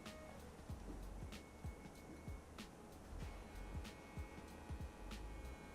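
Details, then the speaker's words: Automated non-invasive blood pressure cuff cycling on an anesthesia vital-signs monitor in a demonstration; the cuff can go on an arm or leg, and the monitor can cycle at a set frequency with a completion alert. "can see here i'm able to set this machine so that it actually cycles at whatever frequency i'd like it to, and then one of the other important points that i want to indicate here is that i can actually set the volume for when this has completed cycling."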